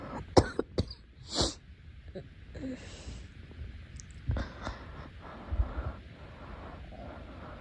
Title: Girl coughing 148